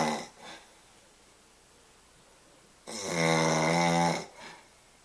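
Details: An adult man napping, jokingly called a pregnant man for his large belly: one long, loud, rattling inhaled snore with a softer tail after a brief quieter breath; ordinary snoring.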